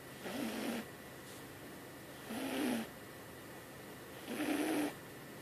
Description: My cat jasmine when she was little snoring woke me up in the middle of the night